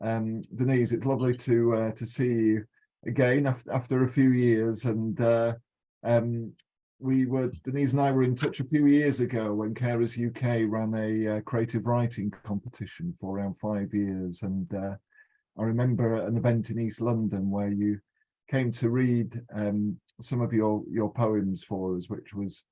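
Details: Adult male speaker; Normal speech.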